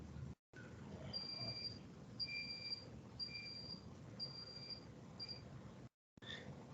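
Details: ECMO console being switched on at the start of a priming demonstration: repeated high-pitched start-up beeps, about one a second, over room noise.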